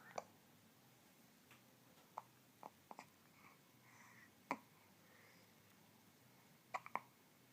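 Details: Person with hiccups while trying to talk: quiet, sharp, irregular hiccup clicks, about seven in seven seconds, in a quiet room with faint whispering.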